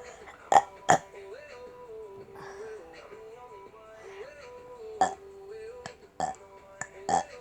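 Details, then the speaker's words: Voluntary burping: several short, sharp burps over quiet background music. "Oh my god, I have so many burps."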